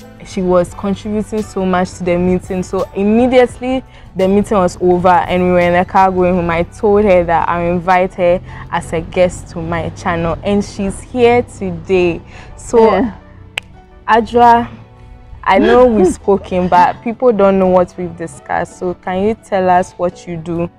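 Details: Adult speaker; normal speech.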